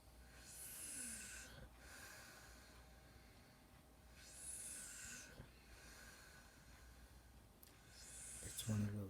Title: Snoring Boyfriend